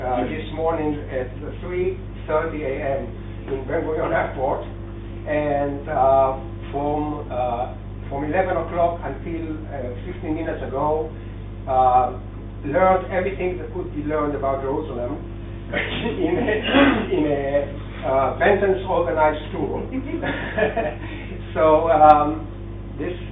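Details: Adult speaker in a lecture room; ordinary speech.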